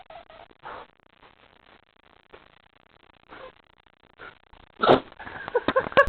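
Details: Dog gets annoyed and sneezes on owner: several short, sharp nasal bursts spaced irregularly, with snorting at the end; repeated sneezing.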